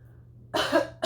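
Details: Adult woman coughing at a pet store during allergy season; she reports bronchial spasms with the weather: two harsh cough bursts after quiet room noise; cough.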